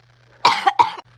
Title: Me coughing for 3 mins straight